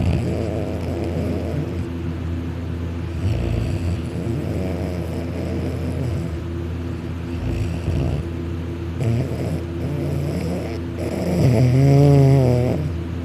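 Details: Male snoring very loudly while napping on a couch, lying on his back with his mouth open, drooling; loud, rough, rattling snoring with steady droning and a higher-pitched rise near the end; heavy snoring during sleep.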